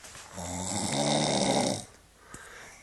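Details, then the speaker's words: Woman snoring: one loud, rattling snore lasting about a second and a half, then quiet room noise; ordinary snoring. "I believe I do I snore all the time and it's really loud"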